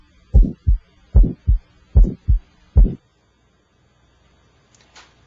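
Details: Electronic stethoscope moving from the apex through the aortic, pulmonic and tricuspid areas, listening for extra sounds: four regular paired beats at about 74 a minute, crisp S1 and S2, quiet gaps. Normal heart sounds without murmur.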